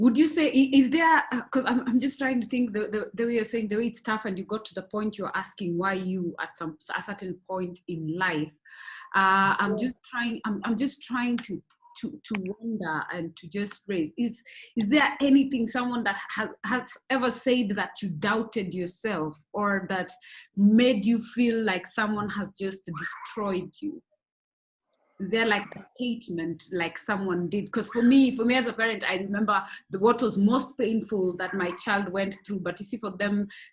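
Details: Adult woman, conversational speech; typical speech.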